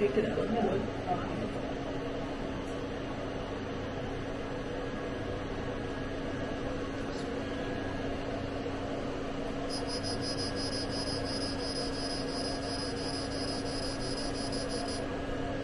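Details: Fractional CO2 laser treatment under anaesthesia on a patient's face: steady machine hum with constant tone, then a high-pitched buzzing whine switching on partway; painful for patient.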